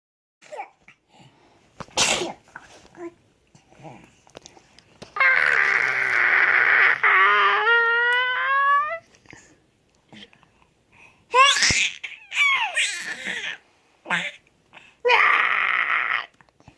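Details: Infant on a changing table sneezing in short, sharp bursts, mixed with high-pitched squeals and cries.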